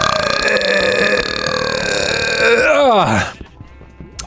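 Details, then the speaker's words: A long, loud, voiced belch with falling pitch at the end, made on purpose; deliberate burping. "Okay, here comes another burp. A big ass burp."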